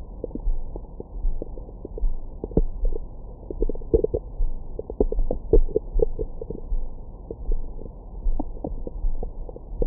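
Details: Own abdomen recorded with a stethoscope microphone after a large meal: irregular gurgles, rumbles and brief squeaky sounds, normal active bowel sounds.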